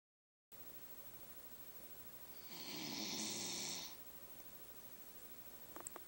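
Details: A Doxie-Pin dog snoring: a single long, hissing, rasping snore lasting over a second, heard against a steady background hiss.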